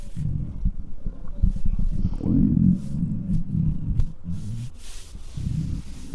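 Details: Close-miked stomach of a very large person who is extremely hungry: deep continuous rumbling with gurgling swells and short pops; loud bowel sounds (borborygmi) from an empty stomach.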